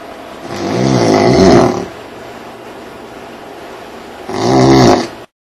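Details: Snoring in a room during a stay in Bermuda, loud enough that ear plugs were needed: two loud, rough, buzzing snores on the breath in, separated by a quiet pause; ordinary snoring.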